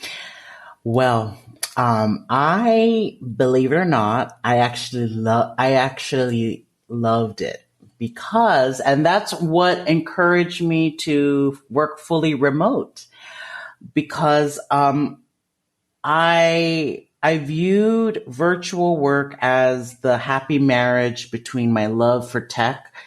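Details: 30-year-old male speech-language pathologist who has stuttered since about age 5, with jaw locking and blocks; he believes the cause is developmental and genetic; stuttering.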